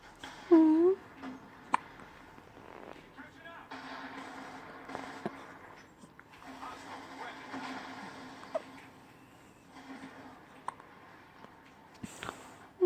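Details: Hiccups in a newborn kitten a few days old: one loud mew, then about five faint, sharp little clicks a few seconds apart over a steady room hum.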